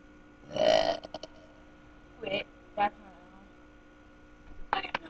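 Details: A sister burping after drinking fast: a long, loud voiced belch followed by a few shorter burps in a quiet room; repeated burping.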